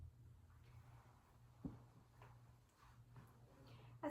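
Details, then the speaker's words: Normal bowel sounds on stethoscope auscultation during a head-to-toe assessment, starting at the right lower quadrant and present in all quadrants: quiet soft, brief gurgles and clicks. "can see i started by auscultating the right lower quadrant and yes the vowel sounds are present in all of the quadrants"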